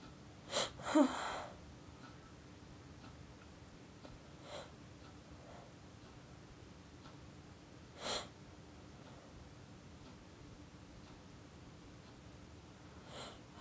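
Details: Sneeze induced by poking the nose with a pencil point: short sharp nasal sniffs and a snort build toward a sneeze that never comes; pre-sneeze sniffing, an aborted sneeze.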